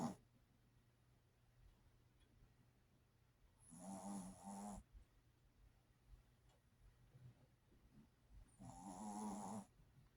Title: Marina's Gigi the Main One Snoring